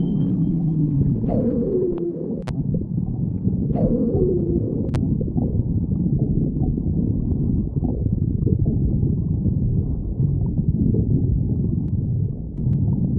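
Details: Stomach growling: continuous low rumbling with a few rising and falling squeaky gurgles.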